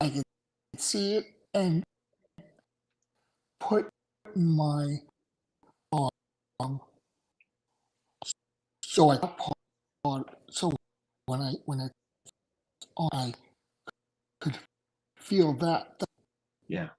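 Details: Adult male stroke survivor with aphasia after two strokes in November 2017; right-sided weakness, unusable right hand without feeling, short-term memory problems, 10 seizures since the stroke; aphasia.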